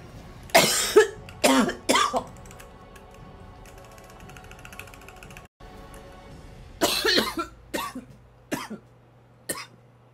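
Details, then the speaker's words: Girl who has been holding back heavy coughing, says it hurts and she tastes blood: two short clusters of dry, forceful coughs, about seven in all, with a brief pause, over faint music. "아 기침을 엄청 많이 참고 있어요 내가 지금 이렇게 해가지고 여기가 아파"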